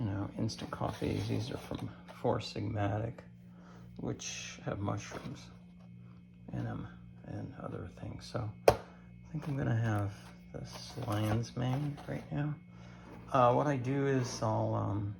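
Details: Adult man with cancer and a bile duct stent, weakened after difficult months, recorded in the morning; he attributes his creaky voice to lack of strength; creaky voice.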